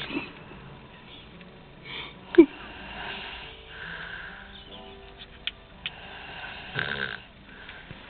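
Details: Older woman (grandmother) apparently asleep after going to the car to "warm up", with soft, irregular rasping sounds every few seconds and faint clicks and sniffs; snoring.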